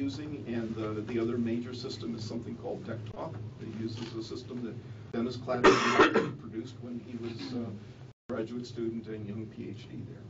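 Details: Adult man speaking; normal speech.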